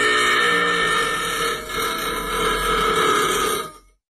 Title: Piss Filter Burp